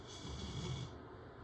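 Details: Yellow Labrador dog snoring loudly while asleep after a short run in the backyard; single low, rough, rattling breath sound.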